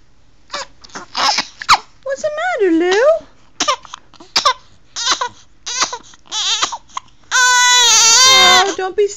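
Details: Young child crying: loud, broken crying with wavering pitch and short sobbing bursts, ending in a sustained high wail.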